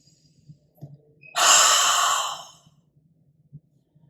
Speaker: I'm then going to pause to catch my breath and then finally going to do three Huffs and a cough so here we go follow along with me if you want to